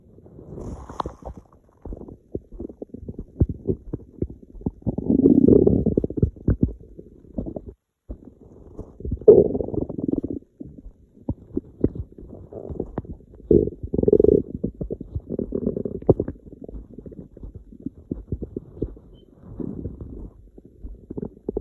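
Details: Hunger-related bowel sounds (borborygmi): low, irregular gurgles and rumbles from an empty stomach.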